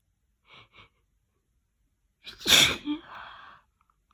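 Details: Loud, wet sneeze after a long, stuck build-up: two short catching breaths, a pause, then one explosive sneeze trailing off in a breathy release.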